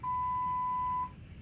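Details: One steady, pure electronic beep lasting about a second over low room hum: an infusion pump alarm at a hospitalized patient's bedside that keeps beeping until staff come in and press stop.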